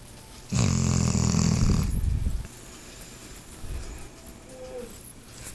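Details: Sleeping dog snoring: one loud, rough, rattling snore lasting over a second, then quiet breathing with room noise.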